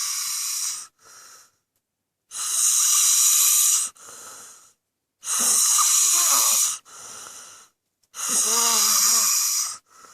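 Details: Heavy snoring: loud, harsh, hissing breath sounds about 21 times a minute, each long noisy breath followed by a shorter one.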